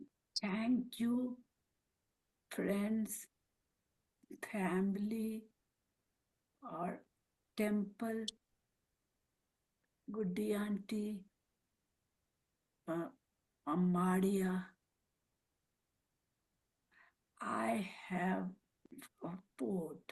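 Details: Woman with aphasia and apraxia of speech after a stroke; speaks Marathi, Hindi and English, with words coming out mixed; aphasia with apraxia of speech.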